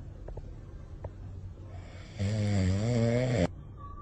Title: The sound of dog snoring while sleeping is very funny